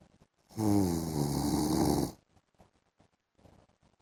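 One loud, rattling snore lasting under two seconds, then quiet breathing: ordinary snoring during sleep.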